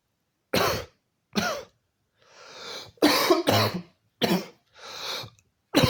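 Repeated loud, harsh coughs, about six bursts with brief gasping breaths between them, in a quiet room; a bout of continuous coughing.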